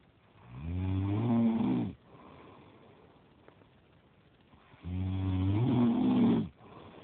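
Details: Adult male (boyfriend) snoring in sleep: two long, low, rattling snores about four seconds apart with quiet exhalations between.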